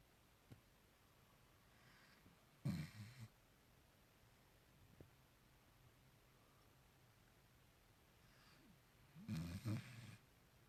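Two short, low snorting snores about six seconds apart, with quiet room sound between; a sleeping dog snoring, about 10 breaths a minute.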